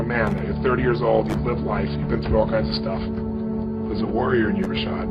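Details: Adult man speaking; no disorder.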